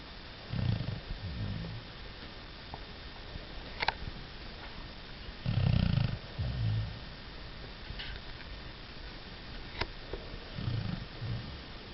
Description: A snoring fat beagle